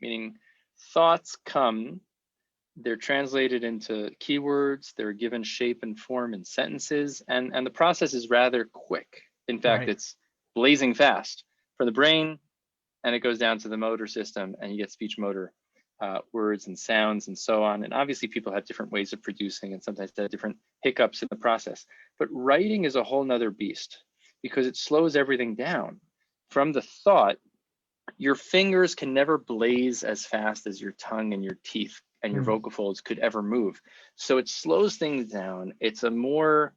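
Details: Adult male speaker; typical speech.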